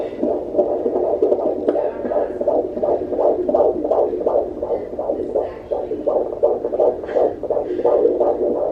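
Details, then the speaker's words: Fetal heart tones on Doppler in late pregnancy during a reactive period while the baby moves and kicks: rapid regular whooshing beats around 160 per minute, expected to settle to baseline; normal fetal heart tones. "He's having one of those reactive periods right now that we were talking about with the NST, where his heart's beating really fast. Yeah. Because he's moving around. Once he calms down, it'll go back down to normal."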